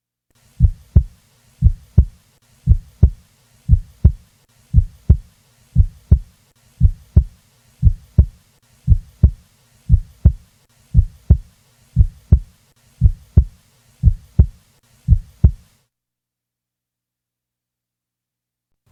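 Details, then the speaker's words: Teaching recording: normally split first heart sound, mitral and tricuspid components 20–30 ms apart, heard best at the lower left sternal border with diaphragm firmly pressed; steady heartbeat near 59 per minute. "a split of the first sound is heard heard in about 70% of normal subjects and is heard best at the llsb with the diaphragm firmly pressed listen to a normally split first sound"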